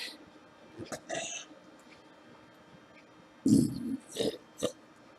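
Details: Several short, soft, deliberately produced weak burps with small gaps, in a quiet room, running out of steam; burping.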